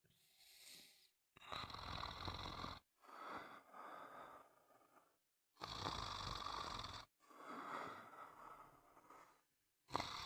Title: Sound of snoring for a good night sleep